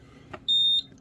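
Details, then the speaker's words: Alaris IV infusion pump under repair for animal aid, started with mains power disconnected; a single sustained high-pitched electronic alarm tone, signalling a flat battery. "it's uh going that the battery is flat which is interesting that probably means the batteries are very flat so we're going to open it up and have a look anyway"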